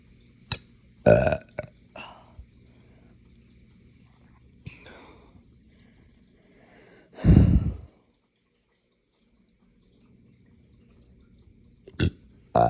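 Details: Hiccups after drinking morning coffee too fast on an empty stomach: sudden short hiccup-like catches and a loud low belch at intervals in a quiet room; hiccups with belching.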